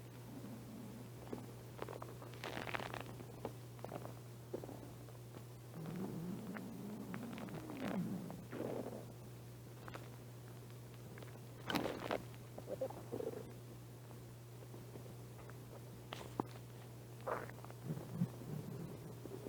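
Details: Soft, irregular gurgles and low rumbles from the belly of a person who has not been eating much lately; ordinary hunger-related stomach growling (borborygmi).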